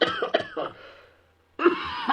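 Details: Adult acting out a comedic "Canadian cough": three quick, harsh coughs, then a longer rasping cough after a pause, with talk of wildfire smoke making breathing hard.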